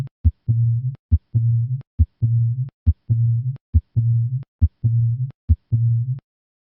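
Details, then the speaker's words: Cooing dove murmur of aortic regurgitation at the left sternal edge, heard again: a regular heartbeat at about 69 a minute with a musical, cooing diastolic murmur after each beat. "The origin of this murmur is controversial, with some evidence indicating that it is due to the vibration of the abnormal aortic cusp, while other observations suggest that it is due to vibrations of the posterior aortic wall. Listen once again to a cooing dove murmur of aortic regurgitation."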